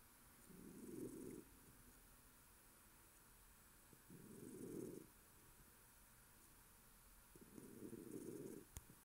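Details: Snoring in a pet named Bun-Bun: soft, low, rumbling snores about every three to four seconds, roughly 18 a minute, in a quiet room during sleep.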